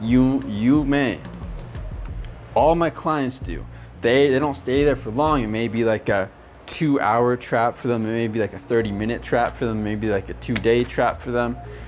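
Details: Adult man who stutters; stuttering.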